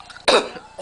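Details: Adult man coughing while talking: a single short, explosive cough rising sharply and fading within a fraction of a second against low room noise.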